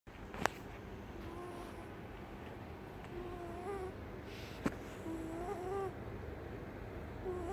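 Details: Persian red cat snoring while asleep and seemingly dreaming: soft whistling, squeaky breath sounds about every two seconds over a low rumble.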